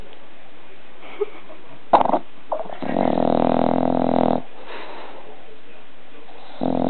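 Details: 1-year-old bulldog sleeping on owner, snoring like a human: loud rattling snore on the in-breath, quieter pause, another snore starting; snoring.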